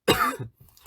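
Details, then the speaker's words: A single short, harsh cough from an adult who says a cold has otherwise cleared but the cough lingers, ending in quiet room sound. "기침이 안 났는다? 아 기침 내가 패줌."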